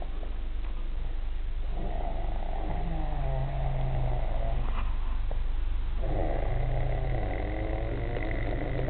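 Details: Adult man snoring during sleep, filmed to prove he snores: two long, low, buzzing snores over a steady loud hum.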